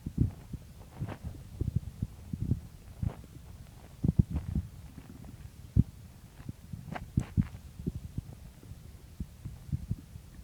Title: Morning stomach growls